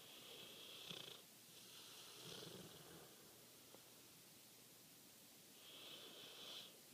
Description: Caesar the Bullmastiff, in his favorite sleeping spot, snoring....